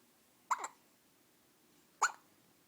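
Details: 14-day-old baby boy hiccupping after being fed: two short, sharp hiccups about one and a half seconds apart in a quiet room; ordinary infant hiccups.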